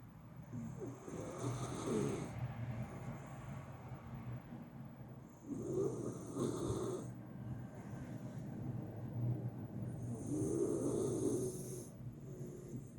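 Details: Miniature Schnauzer sleeping next to another dog, snoring unusually loudly and persistently: rough, slow repeating breaths with a rattling, snorting quality; snoring.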